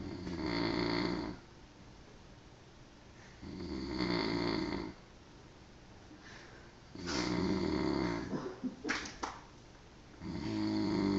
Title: My dad snores